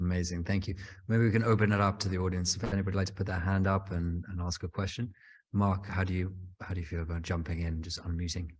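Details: Adult man speaking; normal voice.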